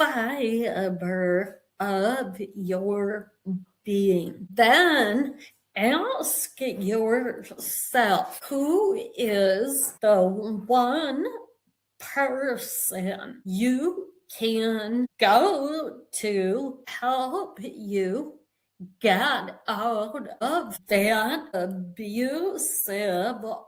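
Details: Vocal tremor in a woman; attributed to over 50 years of narcissistic abuse and trauma that began at age five, and described as manifesting physically in her body and nervous system.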